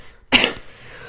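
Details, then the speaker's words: Adult with bronchitis and a hoarse, "duck-like" voice and heavy breathing gives a single short, harsh cough burst in a quiet room; cough. "donc par avance excusez moi si je parle un peu comme un canard si je tousse si par moments je reprends beaucoup ma respiration si on entend fortement ma respiration je suis désolé"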